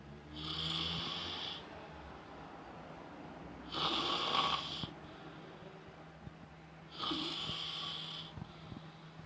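Three loud, rasping snores about every three seconds, roughly 18 a minute, with quieter breathing between them: ordinary snoring in a quiet room.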